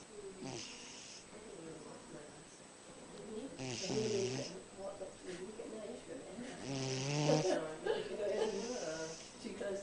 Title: Dog Snores In Cat's Arms